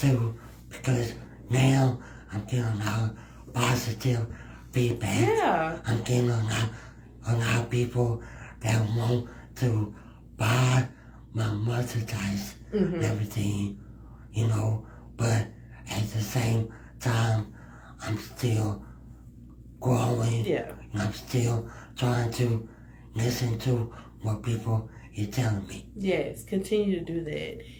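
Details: Dysarthria in a male guest with cerebral palsy, who is described as having a speech impediment; speech issues are listed among his cerebral palsy effects; finding: dysarthria in cerebral palsy.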